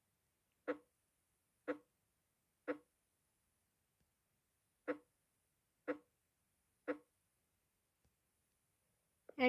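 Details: Prominent, sharp first heart sounds with much fainter second sounds, fitting a loud first heart sound (loud S1).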